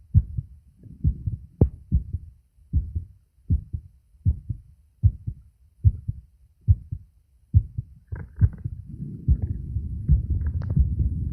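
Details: Male adult's own heart recorded by phone microphone over the auscultation sites: regular paired lub-dub thumps about 70 a minute, then rubbing and pressing noise from deliberate pushes at the end; normal heart sounds.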